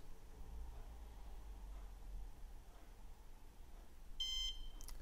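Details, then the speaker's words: A single short electronic beep over quiet room noise from a Woodpecker iLED dental curing light on its 20-second program 2, which beeps every 5 seconds while polymerizing Filtek Z250 composite in a curing-depth test device. "program two 20 seconds the lamp beeps from five every five seconds so we can make an estimation when the polymerization will end"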